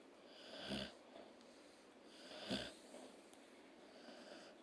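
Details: Two soft, raspy snores a couple of seconds apart with a faint whistle on each breath, from a sleeping pet in a quiet room; snoring.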